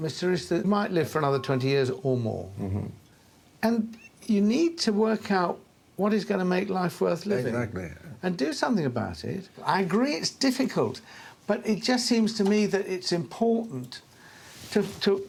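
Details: Adult speaker; Normal speech.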